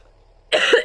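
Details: A single abrupt, harsh cough after quiet room noise, from a person who says she is having trouble speaking and entering a bad, depressive period, after an early doctor visit.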